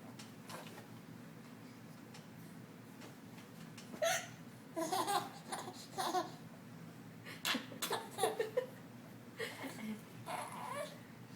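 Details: A mother's hiccups, heard as abrupt, short catching sounds repeating over a steady room hum, mixed with a baby's laughter.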